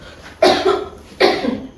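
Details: Simulated role-play of a 63-year-old woman with pulmonary tuberculosis during chest physiotherapy and effective coughing practice: two short, forceful coughs, acted productive cough.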